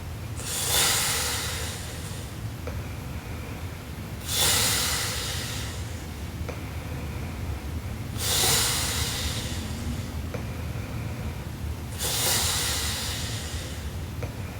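Loud, rough, hissing breaths recurring about every four seconds, around 16 a minute, over steady room noise; heavy snoring during sleep.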